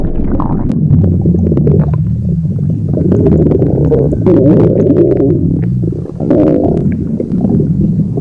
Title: Stomach growl